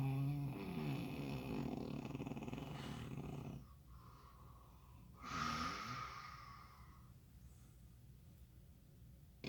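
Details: Snoring: a long, rough, rattling snore, a pause, then a shorter snort-like snore with a whistling edge.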